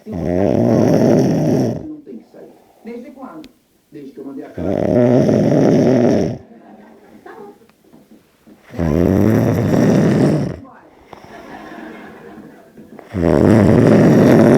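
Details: Person snoring in the early hours of the night: loud, harsh rattling snores on each breath in, about four in fifteen seconds, with quiet breathing between.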